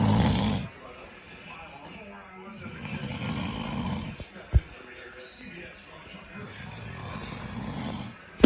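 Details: Dad's loud, rough snoring breaths in a slow rhythm with quiet pauses between them, recorded as a prank.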